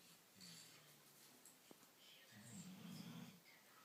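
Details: Low, rumbling, quiet, soft snoring from a sleeping animal named Joey, likely a dog.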